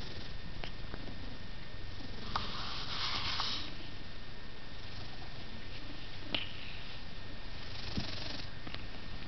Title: Irony Wheezing and Purring